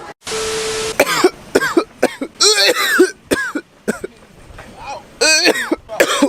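Repeated loud, deliberate coughs, some strained and voiced, after a brief beep; forced coughing put on as a prank, not a real illness.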